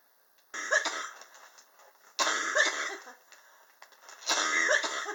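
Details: Adult's prolonged coughing fit, said to be triggered by extreme indoor temperatures: three harsh, drawn-out cough bursts with trailing rough breathy sounds between them, in a quiet room.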